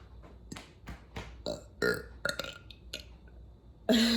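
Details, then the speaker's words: Burping: a quick series of about ten short belches in a quiet room, ending with a louder, longer one. "uh uh okay uh uh better uh even my dog is upset uh uh I feel much better"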